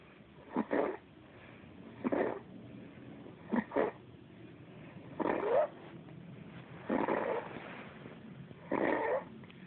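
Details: Six rough, rattling snores at about 34 a minute over low background hiss; ordinary snoring.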